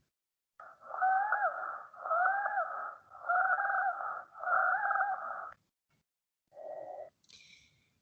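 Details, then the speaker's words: Wheezes heard in a pulmonology teaching session: a whistling sound, mostly on expiration as the airway tends to collapse, and possibly also on inspiration. "porque por desde cuando yo estoy sacando el aire la vía respiratoria tiende al colapso entonces ahí es donde más se va a notar no hay es como un silbido"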